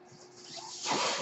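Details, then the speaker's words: Home mechanical ventilator of a speaking adult user: a soft background hiss swells into a loud rush of airflow as the ventilator delivers a breath; ventilator breath cycle. "hello everyone my name is that noise you're hearing is my ventilator and welcome to my not managed on page turners"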